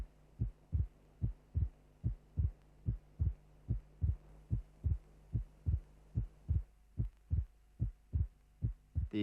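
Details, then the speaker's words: Regular heartbeat near 73 per minute from a cardiac auscultation teaching programme: split second heart sound from non-simultaneous aortic and pulmonary valve closure, aortic component first; a normal finding whose splitting varies with respiration. "the second sound is produced by closure of the aortic and of the pulmonary valves if the valves close simultaneously a single second sound will be heard if closure is not simultaneous two elements of the second sound will be heard separately that is the sound will be split"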